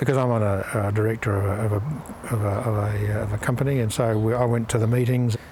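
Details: Aphasia after a stroke in an adult man, a company director who returned to work; 6 to 9 months after the stroke he was making some sense, but not very well.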